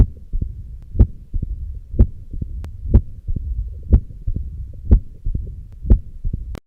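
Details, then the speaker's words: Mitral stenosis: low-pitched rumbling mid-diastolic murmur with presystolic accentuation, heard at the apex with the stethoscope bell and the patient turned to the left lateral position. Loud, regular heart sounds at about 61 a minute. "the most unmistakable component in the diagnosis of mitral stenosis is the mid diastolic murmur which is heard with the bill of the stethoscope and the patient turn to the left lateral position"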